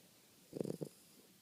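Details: Boston Terrier dog snoring very loudly while asleep after about three hours of hard play at the park and a bath; a brief, low, fluttering rumble. He opens an eye but keeps sleep-snoring.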